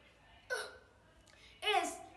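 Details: Hiccups demonstrated in an English vocabulary lesson: two short, sharp voiced catches of breath about a second apart.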